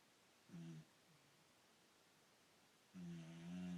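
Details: Two low, buzzing, humming snores a couple of seconds apart in a quiet room from an overweight old female Boxer dog asleep; snoring.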